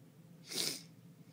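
A single sharp, hissing burst of air with a brief voiced onset, over quiet room noise: one sneeze.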